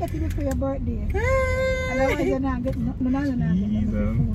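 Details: Adult speaker, with an infant crying nearby; unaffected speaker.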